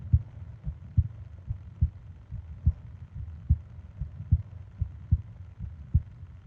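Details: Normal resting heartbeat: steady paired thumps at about 72 beats a minute with a faint background hiss, from a 20-minute ASMR sleep-aid recording of heart and breathing sounds.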